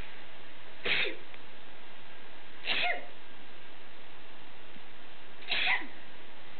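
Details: Sneezing from an adult with photic sneezing (sneezes on looking at bright light), during an allergy-commercial audition: three sharp, explosive sneezes a couple of seconds apart over background hiss.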